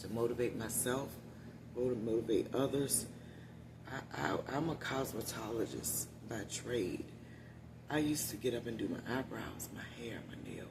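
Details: Adult woman with one-sided vocal cord paralysis after neck surgery, voice lost about three years ago; must push much more air to speak, which tires her; unilateral vocal cord paralysis.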